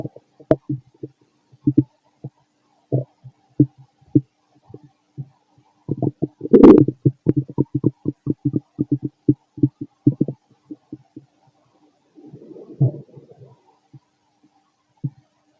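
Frequent loud gurgles, pops and rumbles from the gut in irregular runs; active bowel sounds, normal during digestion.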